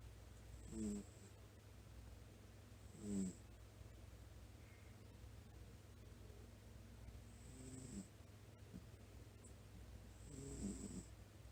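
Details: Cat, Shiro, asleep: soft, brief snoring sounds about every two to three seconds over a steady low hum; gentle snoring.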